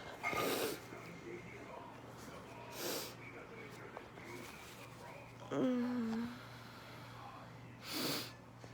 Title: induced handkerchief sneezes